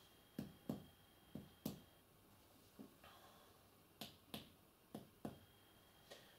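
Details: Percussion of the anterior chest on a simulated casualty during respiratory assessment, working down the intercostal spaces below the third rib: sharp finger taps, mostly in pairs, each with a brief hollow resonant ring; normal chest percussion note.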